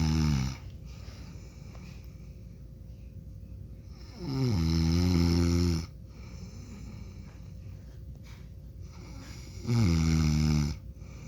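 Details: Adult man (father) snoring in sleep: loud, low rumbling snores on each breath in, about 12 a minute, with quiet pauses between.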